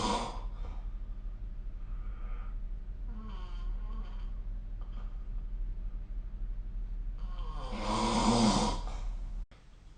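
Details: Snoring recorded with the SnoreLab app: soft, breathy sleep breathing over a steady low room hum, ending in a louder rough snore.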